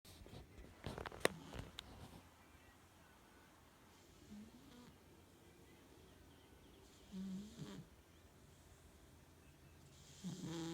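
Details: Sleeping cat keeps snoring: soft, low snores repeating about every three seconds over quiet room noise, with a few brief clicks early on.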